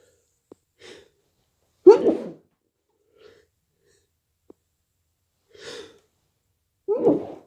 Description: Last night i was a bit drunk and I induced / Noseblow at the end